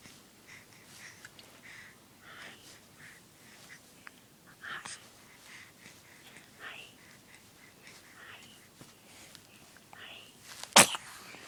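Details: Baby: soft whispering and breathing noises, then one sudden, sharp sneeze near the end; sneezing.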